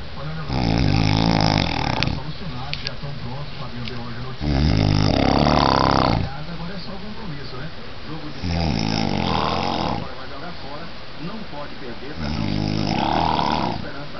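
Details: Sleeping person snoring heavily: loud, long, rumbling snores on the in-breath, about four in fourteen seconds, with noisy breathing out between them; heavy snoring.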